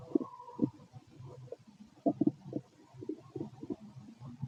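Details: Man's stomach 6 hours after eating gives irregular gurgling and bubbling rumbles, ordinary bowel sounds of normal digestion; borborygmi.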